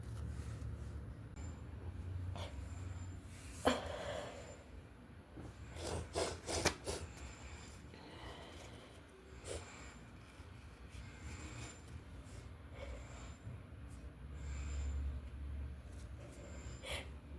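Several forceful sneezes with wet sniffling between them in a quiet room, typical of a cold or flu.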